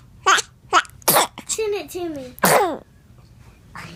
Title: Ahhh Chooo! Funniest Baby Sneezing - Funny Baby Videos